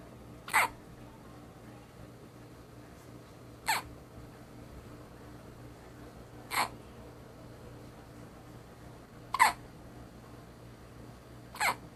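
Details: Baby who hiccups all the time: five short, sharp hiccups about three seconds apart, roughly 20 a minute, in a quiet room; infant hiccups.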